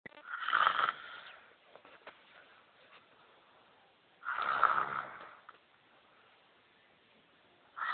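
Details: Very loud, harsh rattling snores on each inhalation, about 15 per minute, with quiet pauses between them; snoring.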